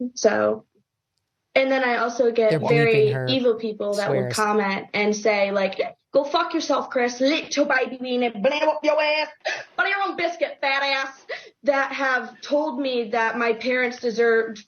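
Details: Tourette syndrome vocal tics in a real person with Tourette syndrome, recorded during an interview.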